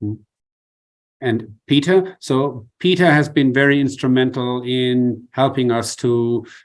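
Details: Person with adductor spasmodic dysphonia who tried vibro-tactile stimulation, treated with Botox injections and close to needing the next one, with increased voice strain; adductor spasmodic dysphonia.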